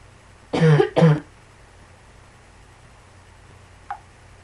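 Two quick, loud coughs close together, then a faint short sound in a quiet room. A brief coughing bout.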